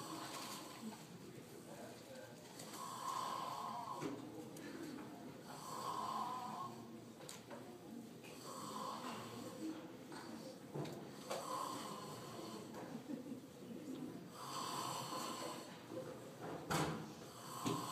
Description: Kid snoring in Carrier library at JMU